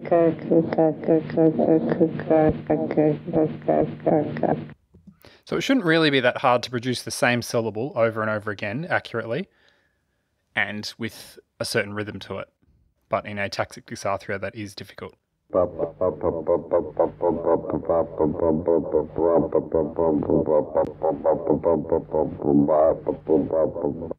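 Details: Adult male narrator; typical speech.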